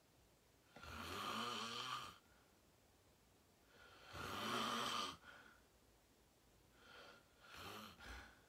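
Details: Adult self-recorded asleep, falling asleep fast at 8:45 into deep sleep: loud rasping snores on each in-breath, about three over eight seconds, with quiet pauses in a still room; loud snoring.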